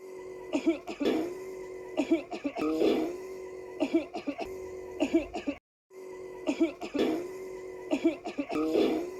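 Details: Short bursts of acted coughing and throat clearing by a child, with a steady tone and faint room noise behind; simulated cough.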